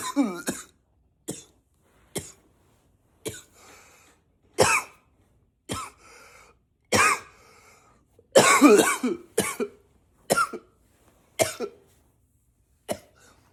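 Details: Acted, voluntary coughing: about twelve separate coughs with brief pauses between them, a few deliberately forced in a deeper voice.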